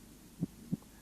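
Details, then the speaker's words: Cardiac auscultation at the apex, where heart auscultation begins: normal heart sounds (first and second tones) in a Soviet educational film. "аускультация сердца начинается с выслушивания верхушки"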